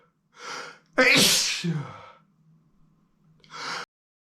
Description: At first, the feathers were making me sneeze. Then, the dust began to work its magic in my nostrils...